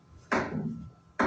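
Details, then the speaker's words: Pericardial knock heard at the left parasternal region and mesocardium: an added sharp, short protodiastolic sound caused by abrupt halt of ventricular filling, a third sound unrelated to the first or second sound. "Este golpe es un ruido protodiastólico agudo de corta duración producido por la brusca detención del llenador del trípulo."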